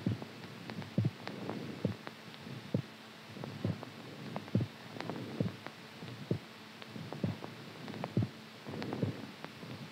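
Regular low thumping heartbeat at about 67 beats a minute, with a faint background hum.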